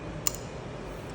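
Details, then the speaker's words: Single sharp click in a quiet room as the VAMP blood-saving device is pushed and locks into place during standard arterial line transducer set-up; arterial line blood-conservation device click. "And then the other thing is this vamp thing. This is the blood saving thing. I just push. You'll hear a"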